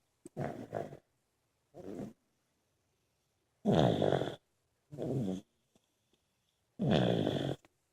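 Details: Several people snoring during sleep: repeated rough, fluttering snores of uneven length with near-silent gaps, about 19 a minute.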